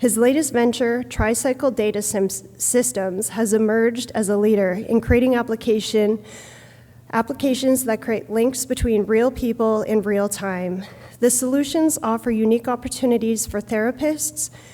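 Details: Adult woman speaking; Normal voice.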